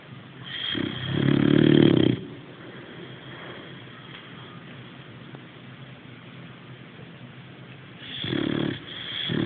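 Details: Sleeping boxer dog, loud rattling inhaled snores, two in about nine seconds, with quiet breathing between; snoring.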